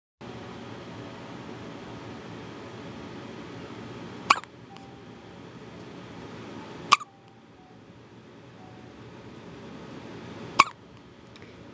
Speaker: got the hiccups. Sounds like a little mouse.